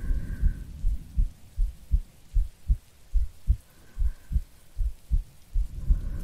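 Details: Adult woman's heartbeat and breathing recorded as an ASMR sleep aid with rain: regular low double thumps, about 78 beats a minute; steady, normal heartbeat.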